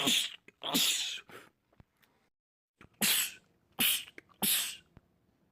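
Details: Rapid run of about six forceful sneezes by a man, with quick sharp breaths between; a repetitive sneezing attack in a compilation of film clips.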